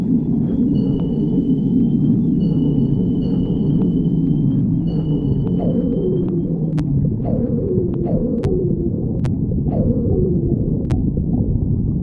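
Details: Stomach growling (borborygmi): low rumbling with gurgling, squeaky sliding tones from the belly, ordinary gut movement.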